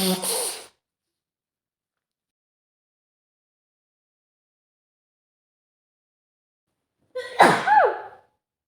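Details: Acted scenario of a young woman with a nasty cold at home: two loud, forceful sneezes separated by long silence, each preceded by a sharp in-breath; sneezing fit.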